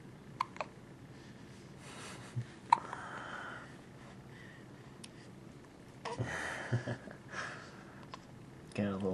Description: Cute baby hiccups